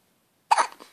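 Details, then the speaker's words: Newborn baby, 10 days old, with hiccups: after brief silence, a single abrupt, sharp little catch of breath with a faint trailing sound. "oh poor baby has hiccups oh no oh no oh he lie"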